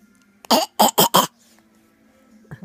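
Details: A young child gives four quick, forced coughs in a row, imitating her father's cough in play rather than coughing from illness; a voluntary, imitated cough.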